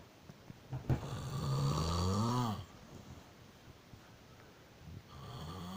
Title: I do not snore...